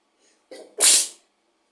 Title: Induced sneezes 💕